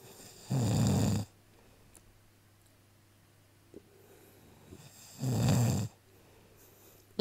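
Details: Australian husband snoring: two loud, low, rattling snores about five seconds apart, with quiet breathing between; ordinary snoring.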